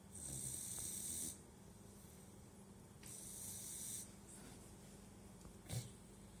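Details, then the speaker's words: Sleeping puppy snoring, said to be lying on its throat and compressing its airway: two hissing, rasping snores on slow breaths with a faint low hum in the room. "Вот почему люди храпят. Они передавливают себе дыхательные пути. Лежит на горле, поэтому храпит. That's why he's snoring. He just laying at his throat."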